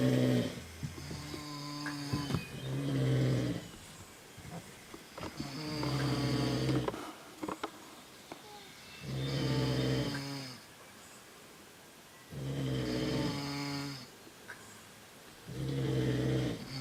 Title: Snoring in Keene Valley